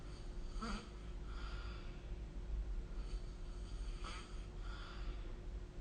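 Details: Soft, rough breathing noises during sleep over a low background hum, recorded with the SnoreLab app; light snoring.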